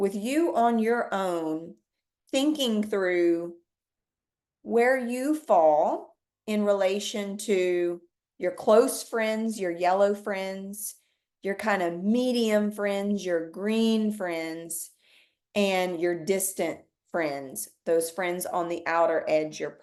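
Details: Adult woman speaking; Normal speech.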